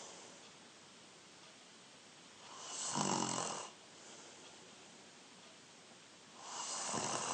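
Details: 14-year-old boy snoring during sleep: loud, rough snores on each breath in, about two every seven seconds, over a steady background hiss.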